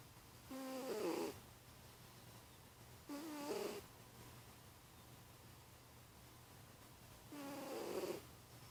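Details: A sleeping cat gives three soft, whistly, wavering snores a few seconds apart, each on an in-breath, over a faint steady room hum: ordinary snoring.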